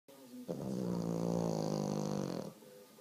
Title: Lush Snoring